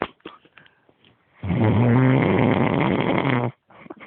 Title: snoring